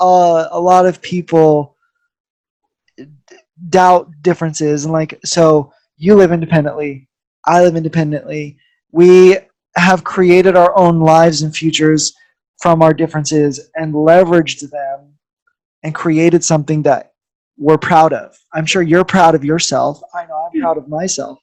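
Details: Adult male speaker; normal speech.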